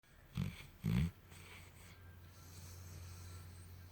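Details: Sleeping Mastiff with tongue out, dreaming: two low snorting snore bursts in quick succession, then quieter breathing with a steady low hum; snoring.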